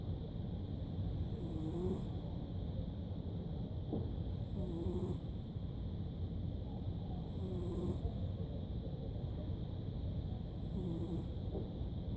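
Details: Afternoon nap snoring in a cat: soft, regular snores about every three seconds, around 20 breaths a minute, over a steady background hum.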